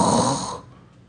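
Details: Comedic stage imitation of a snorer: a single loud, rough snore fading after about half a second; imitated snoring, not real sleep.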